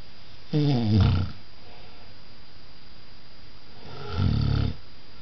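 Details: Snoring from a sleeping adult partner: two loud, rough snores on breathing in, separated by a quiet pause.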